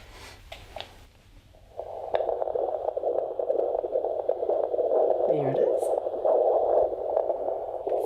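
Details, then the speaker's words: Normal fetal heartbeat on Doppler during a rural midwife's antenatal check, baby head down: after a brief search, a fast, rhythmic whooshing heartbeat with constant fetal movements. "Sounds good. Yeah. Right. Always nice to hear that, isn't it? What with the heartbeat and all the nice constant movements. It's always really reassuring, isn't it?"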